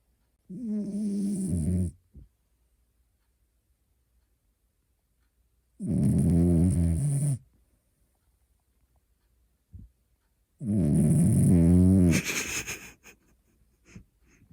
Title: 프렌치불독 (코골이) 리얼사운드 / French Bulldog (snoring) real sound #shorts #프렌치불독 #강아지 #reels